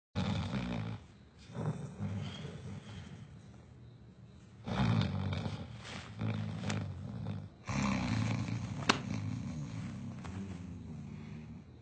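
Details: Comedy scene snoring: loud, deep, rumbling snores in long rattling breaths, each several seconds long, with short gaps between them.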